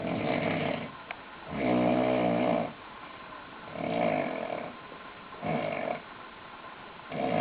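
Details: Person asleep, out for the count after a hard night of drinking, snoring: loud, rattling, voiced snores about 34 a minute, each about a second long, with softer breathing between.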